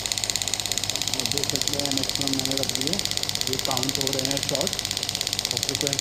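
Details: Biotronix pneumatic radial (extracorporeal) shockwave therapy device in a product demo. With the hand removed, intensity is raised toward the 12-bar maximum. It gives fast, steady clicking pulses about 200 a minute, with a man talking over it.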